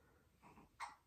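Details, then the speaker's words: Infant hiccups: a soft breathy sound, then one abrupt, sharp hic in a quiet room. "if you're wondering my baby has the hiccups that's what that noise is"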